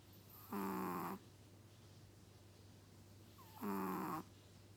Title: Chihuahua snoring